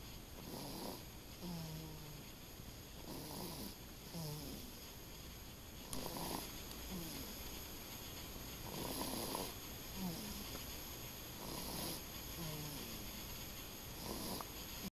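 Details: Snoring in the dark: steady rhythmic snoring, a snore on each breath at about 23 breaths a minute, over faint room hum.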